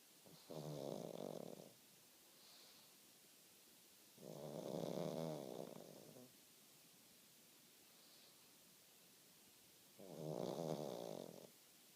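Three long, rumbling snores about every four and a half seconds, with faint soft sounds between them, in a quiet room: steady snoring in a sleeping dog.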